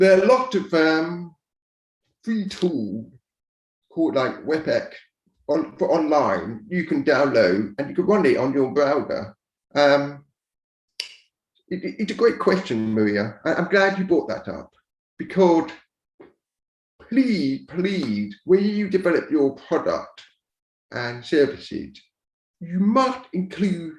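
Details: Adult man born deaf who learned to speak rather than sign, now using a cochlear implant after years of hearing aids; he says his speech is not perfect and automatic captions sometimes mishear it; deaf speech.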